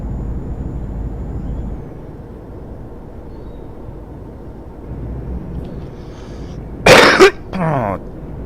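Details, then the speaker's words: Two harsh, loose-sounding cough bursts and a throat-clearing rumble from an adult man over low engine hum; a chesty cough he believes is just a cold. "yes as you well now that you've heard it you can hear that's a pretty chesty cough I think it is just a call though thankfully"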